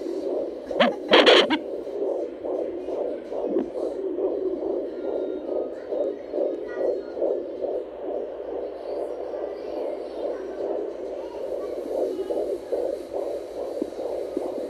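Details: Baby girl's fetal heartbeat on home Doppler: fast, regular whooshing at about 140 beats a minute, normal rate.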